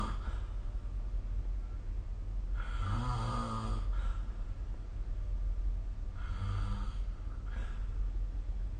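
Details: Two low, rumbling snores on breathing in, roughly three to four seconds apart, over steady background hum; snoring during sleep recorded with the SnoreLab phone app.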